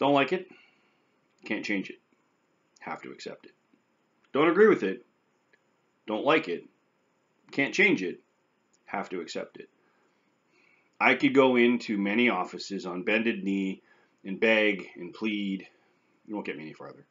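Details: Post-stroke aphasia with anomia and some verbal apraxia in an adult man, severity varying by day; aphasia with verbal apraxia.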